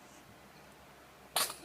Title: Baby sneezes:)